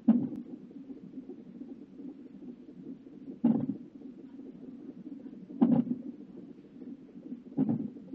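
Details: At 35 weeks of pregnancy, recorded on a fetal heartbeat monitor: four soft, regular thuds a couple of seconds apart over a low rumbling background; fetal hiccups, with the baby also moving.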